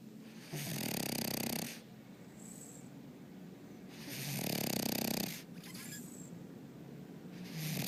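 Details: Cheese, a French Bulldog, asleep: loud, rattling snores on each breath in with quieter breaths out between; flat-faced dog snoring.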